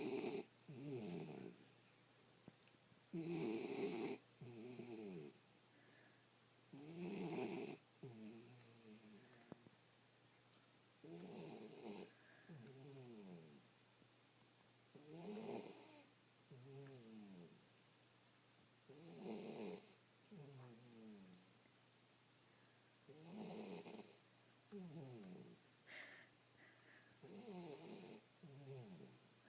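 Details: Jack Russell puppy snoring loudly and regularly while asleep with eyes open, about 15 rattling breaths a minute, with quieter sounds between.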